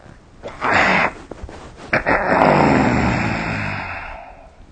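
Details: Snoring during sleep, recorded with the SnoreLab snoring-recording app.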